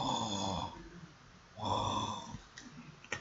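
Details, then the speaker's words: A sleeping dog snoring: two long, rough, rattling snores, each under a second, separated by a quiet pause. "Mira, si si logran prestar atención, el [carraspeo] perro está roncando, hijo de [ __ ] Ah, sí."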